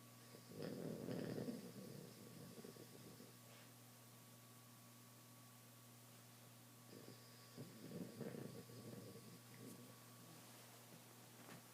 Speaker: Milo, psst. Wake up. You're snoring. Wake up. Stop snoring.